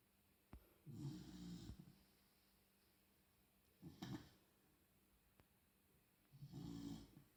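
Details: Sleeping beagle puppy, soft rattling snores repeating slowly and unevenly, about three in seven seconds, in a quiet room: snoring.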